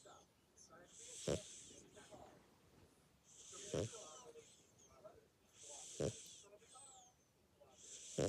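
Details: Pixi, a sleeping dog, dreaming and snoring through the night: slow rhythmic breaths about 27 a minute, each ending in a sharp snorting noise; snoring.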